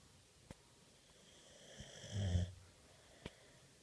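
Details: Single low rumbling snore with a couple of faint clicks from Bishop, a sleeping dog in a quiet room.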